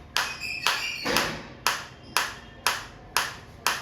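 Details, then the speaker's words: Biotronix focused shockwave therapy applicator applied to the demonstrator's own body while intensity is raised step by step from minimum: sharp, regular snapping pulses about two per second, with the sound changing as intensity increases. "आएंगे one by one two three आप देख सकते हैं change sound में भी और मेरे को फील में भी आ रहा है।"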